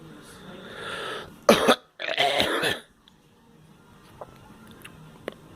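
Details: An adult gives two harsh bursts of coughing, then quiet room noise with faint clicks.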